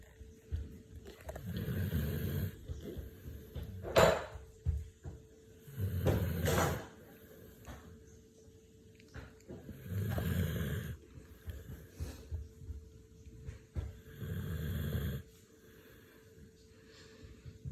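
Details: Snoring: slow, deep rumbling snores on each breath, about 14 breaths a minute, with a faint hum in the room.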